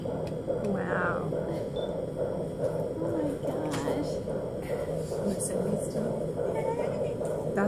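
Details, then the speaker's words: Fetal heartbeat at about 5 months of pregnancy, heard on a fetal Doppler: rapid, regular whooshing pulses at about 138 beats per minute, within the normal range; the baby is very active. "oh you're video do you hear that that's the heartbeat right there having a blast up there he's having a blast up in there it's right at 138"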